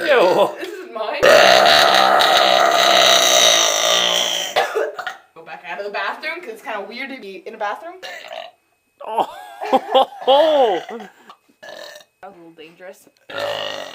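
One long, loud, deliberate belch lasting several seconds, then talking broken by further short burps.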